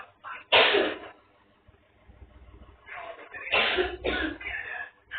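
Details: Child (Ishaq) coughing with a cold, headache, rainy season: a loud cough burst, then a run of three or four more coughs after a pause.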